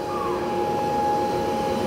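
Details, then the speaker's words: Zirconia mill in a dental lab running, tool actively cutting a zirconia blank to produce teeth at 34 micron precision: steady mechanical whir and hum at constant speed, faint high tones over room noise; dental milling machine running. "So this one's actually running. So you can zoom inside there. You can see a tool is actively working on a blank."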